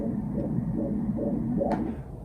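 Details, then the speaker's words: Obstetric ultrasound Doppler with fetal head low over the cervix: rhythmic whooshing pulses at 140 beats per minute, a normal fetal heart rate with normal, relaxed umbilical cord blood flow. "little baby heartbeat cruising 140 beats a minute normal blood flow nice and relaxed in the baby's umbilical cord"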